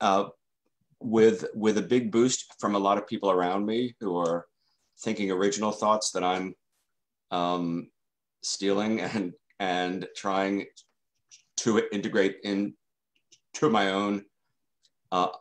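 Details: Stuttering in an adult man who has stuttered since childhood.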